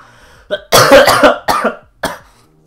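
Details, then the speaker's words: Run of four harsh coughs in quick succession from an adult sick for weeks to about a month and taking cough medicine; the coughing is set off by talking excitedly. "I have to stop getting so excited, because that's when I cough my brains out."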